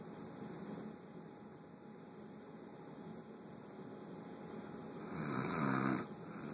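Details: Snoring from a sleeping adult woman: quiet room noise, then one loud, rattling snore on an in-breath near the end.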